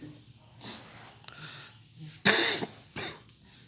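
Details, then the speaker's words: Two or three short, breathy coughs over quiet room noise; a person with cough and stomach illness, filmed during a claimed natural-energy healing session. "Selamat pagi, ini sakit batuk-batuk, siapa tahu bisa sembuh."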